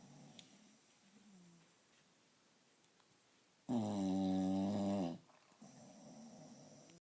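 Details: Sleeping English Bulldog snoring: loud, buzzing, tonal snores between quieter, rough breaths.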